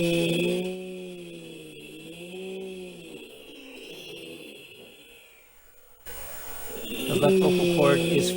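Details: Left vocal fold paresis during laryngoscopy, with the left fold fluttering, bowed and lateral at low pitch, and compensatory supraglottic squeeze rather than muscle tension dysphonia; vocal fold paresis with low-pitch vocal flutter.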